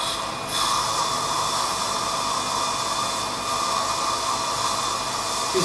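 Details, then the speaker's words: Dentist on an implantology training course pre-tapping bone during flapless, computer-guided (NobelGuide) implant placement: steady whirring hiss of the surgical drill running continuously, pushed firmly down. "Keep it firmly pushed down. That's it, because then it'll start to cut its way"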